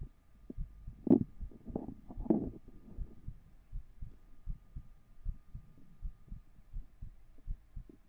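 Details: Soft, regular low heartbeat thumps at about 50 a minute, with a brief rustle over the start, recorded with a 3Dio binaural microphone.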